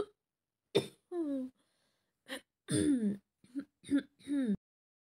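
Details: A simulated scenario of a girl with a bad cold on a train: several short, voiced throat-clearing grunts and coughs in quick succession in a quiet room.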